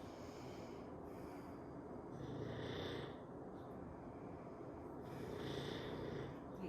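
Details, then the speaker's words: Dog snoring while asleep in the room during a yoga squat session: soft, rough, rhythmic snores rising and falling with slow breathing over steady room hiss; ordinary, harmless snoring. "Buddy's got the rhythm if you can hear him. His snores are right on cue."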